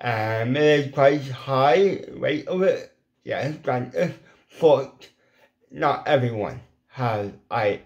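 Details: Adult man with ataxic cerebral palsy, involuntary hand shake and epilepsy; weak, paralysed lip muscles cannot form the shapes for certain letters; once understood only by his mother as a child; lifelong speech impediment; dysarthria.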